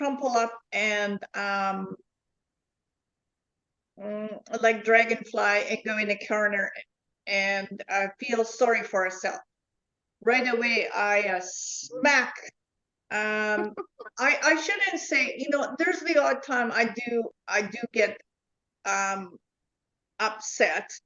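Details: Adult woman with foreign accent syndrome since July 2010, onset after an event in 2010 and diagnosed by a neurologist, self-described 'flipper' whose accent changes, with memory, number and comprehension deficits: foreign accent syndrome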